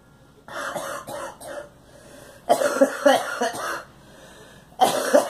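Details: Girl coughing: a run of about six short, dry coughs in clusters with quiet pauses between them.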